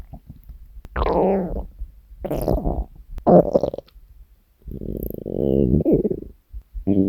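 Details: Hunger stomach growling (borborygmi), compiled from three years of recordings of the uploader's own stomach: several loud, drawn-out gurgling and rumbling growls with short gaps, ordinary hunger noises from the gut.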